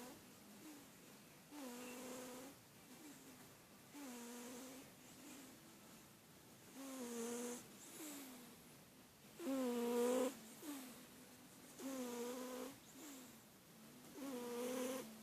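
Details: Sleeping female cat snoring loudly: soft, nasal, whistly snores alternating with quieter breaths, about 12 breath cycles a minute; snoring.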